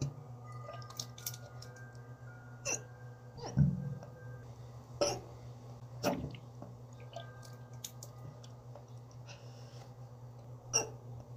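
Brief sharp clicks recurring every one to two seconds over a low steady hum, fitting hiccups in a cat.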